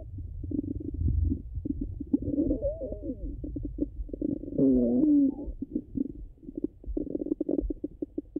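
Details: Stomach sounds, hungry and full states: frequent gurgles and clicks with long squeaky, rising-and-falling rumbles from an adult abdomen; active, normal bowel sounds.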